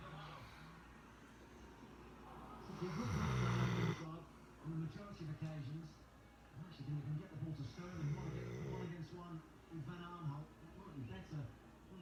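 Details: Snoring while a soccer match plays on TV, with someone else also snoring in the background; snoring.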